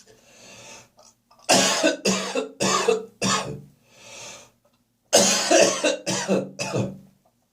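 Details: Adult productive morning cough with gagging and spitting: two bouts of harsh, wet-sounding coughing, four and three coughs, with noisy breaths between.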